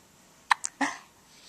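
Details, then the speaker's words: Small pet with hiccups, recorded on a Flip Video camcorder: two short, sharp hiccup-like snaps, then a brief airy burst in a quiet room. "He does have the hiccups. You have the hiccups. Do you have the hiccups?"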